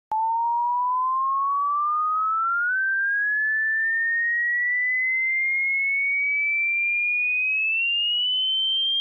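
A steady pure test tone that climbs slowly in pitch from mid to high, part of a simulated hearing-test sweep.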